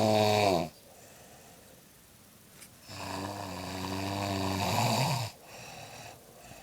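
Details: Grandmother snoring while asleep, though she denies snoring: loud, buzzing snores, each lasting a few seconds, with quieter breathing between.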